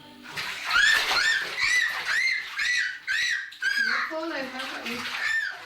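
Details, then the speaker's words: Repeated high-pitched squeaks in rapid bursts: a simple vocal tic in a person with Tourette syndrome, whose squeaking tic began suddenly at age seven along with twitching. "I was seven and I started squeaking okay I couldn't stop it at all"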